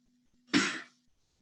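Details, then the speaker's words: Demonstration of a peak cough flow meter: one strong, sharp voluntary cough after a deep breath, pushing the marker well past 270 L/min; at or below 270 suggests a cough too weak to clear the airway. "this is a quite a nice gadget to actually put a number to the strength of your cough the way it's used is it's very simple i just take a deep breath in and i caught not a blow a cough"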